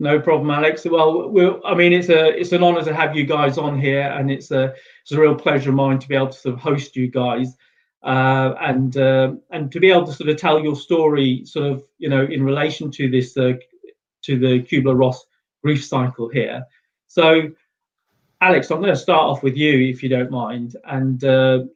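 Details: Adult male speaker; normal speech.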